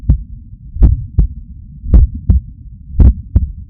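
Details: Deep, forceful heartbeats of about 55–60 per minute, with clear lub-dub pairs over a low hum. Recorded with a Stemoscope stuck to the chest under the shirt of a person who woke up stressed, heart pumping hard.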